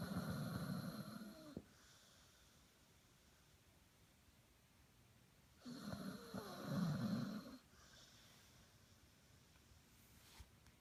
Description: ann bao the chinese sharpei snore